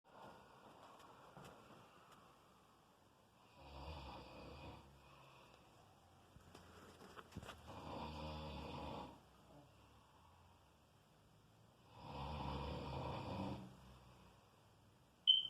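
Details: Three rasping snores roughly every four seconds, with quiet breathing between; loud snoring during sleep.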